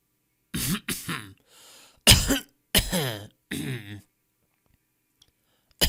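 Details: Stock audio of people coughing in varied styles: about six voiced, throaty adult coughs and throat-clearing sounds, then quiet.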